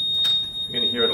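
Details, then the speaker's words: Dräger Evita XL ventilator just switched on for its pre-use check, running its power-on test: a steady high-pitched alarm tone with brief room noise; expected ventilator power-on alarm. "so it's doing it's a little power on test right now it's in this start configuration but we want to put it in a standby"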